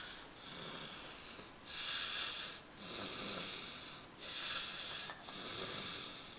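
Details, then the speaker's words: Baby who fell asleep in the middle of eating dinner, snoring while asleep: soft, hissing, regular snores about 24 a minute over steady background hiss; infant snoring. "snoring. That is so funny. I should probably move him."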